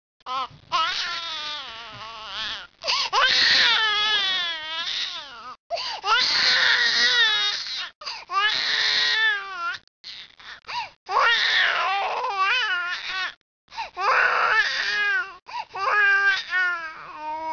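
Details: Loud, rhythmic bursts of a baby crying with brief pauses for breath: a vigorous, ordinary infant cry.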